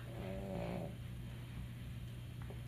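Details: A single low, buzzy snoring sound from a sleeping dog, followed by a steady low room hum.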